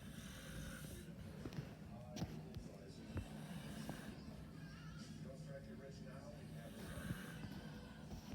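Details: Snoring from a sleeping father: low rumbling snores with other voices and music in the background.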